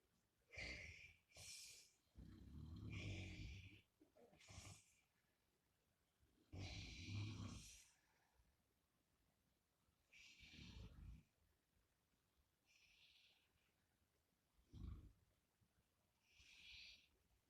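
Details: Snoring in the middle of the night: irregular rough snorts and snoring breaths, some with a hissing airy edge, about 15 a minute; noisy snorting breathing.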